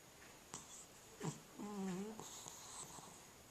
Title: Cat Snoring